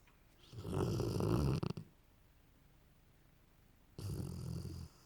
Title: cute snoring dog